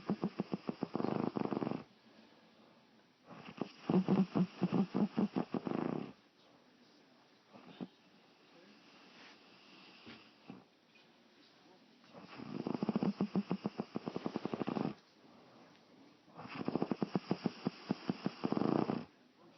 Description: Mom snoring